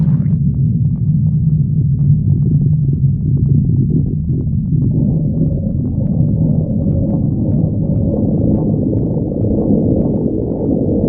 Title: Misty stomach growling 4